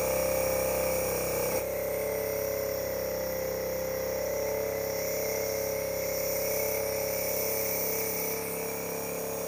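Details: Dr. Trust Penguin model 403 compressor nebulizer demonstrated with distilled water and a mask, output adjustable: a steady mechanical hum with a fast pulsing buzz and faint music behind as it runs and delivers mist.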